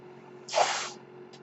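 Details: Speaker's own mechanical ventilator heard while he talks on a podcast: a single half-second burst of airy hiss against a quiet room hum as the ventilator delivers a breath.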